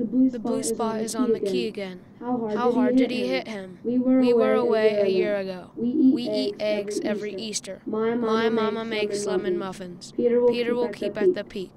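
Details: 12-year-old boy reading sentences after a course of voice therapy; voice quality improved though stroboscopy still showed vocal fold nodules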